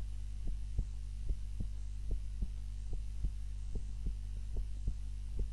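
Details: Own heart sounds recorded on a timer while napping, lying on the back (supine) rather than the usual face-down position: steady lub-dub heartbeat roughly 70 a minute under a constant low hum; normal heart sounds while asleep.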